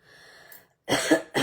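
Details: An adult woman with a hoarse, nearly lost voice that has lasted several days gives a short cough and throat clear.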